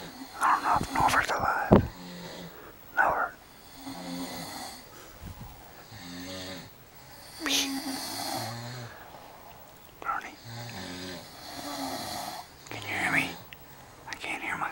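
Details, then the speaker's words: Loud, irregular rumbling snores with breathy, wheezy edges, mixed with a few short bangs and room noises, keeping a listener awake at night: heavy snoring. "than damn it thato snore classic I'm out of here"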